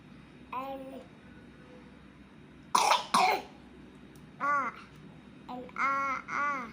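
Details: A 3-year-old boy with a cough, while learning to read, gives two sharp coughs in quick succession that break up his voiced syllables; a short coughing bout.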